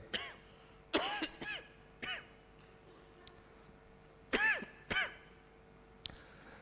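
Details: Adult male speaker at a city council plenary meeting coughing while presenting finances after being interrupted: a run of about six short, voiced coughs and throat clears, with faint room hum.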